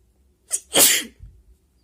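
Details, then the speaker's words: Hay fever–induced sneeze, provoked with paper in an itchy, sensitive nose: a quick in-breath followed by one sharp, hissing sneeze. "I'm sneezing all over my body."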